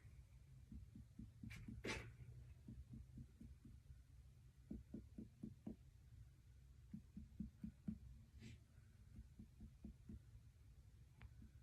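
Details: Student nurse percussing the abdomen during an abdominal assessment: tympany and dullness; normal abdominal percussion.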